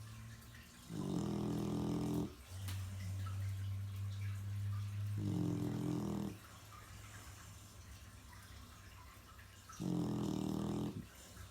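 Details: Loud rumbling snores repeating roughly every four seconds over low room hum; snoring, the snorer not who the recorder expected.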